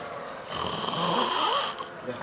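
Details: One long, very loud, harsh snoring breath with strong rattling, hissing quality from upper airway vibration; extremely heavy snoring.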